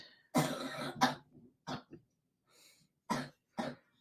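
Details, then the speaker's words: Adult male in the background with a persistent cough now loosening: a string of about six harsh, wet coughs with throat-clearing quality; productive cough. "he's been been having that horrible cough there you go you can hear him in the background it's it's finally starting to break up this cough that he's been having"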